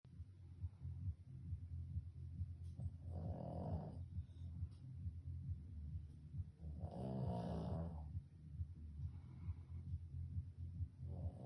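Low rumbling snore with each breath, with louder rattling snores on some breaths, in a sleeping dog.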